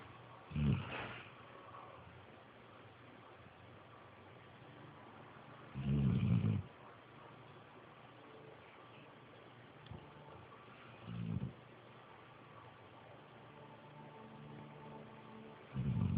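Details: Dog (Bailey) snoring while asleep: low rumbling snores in four irregularly spaced bursts over a quiet room hum.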